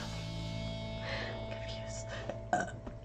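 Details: Woman on a stream burping: a short, loud, low throaty belch over background music.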